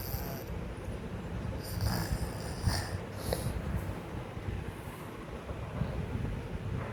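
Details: Sleeping child snoring: low, rumbling snoring breaths, partly masked by steady background noise.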